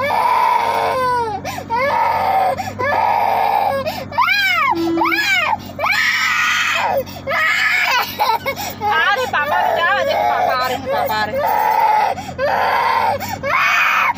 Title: नन्हें का रोना😇 Baby cry😭😭😩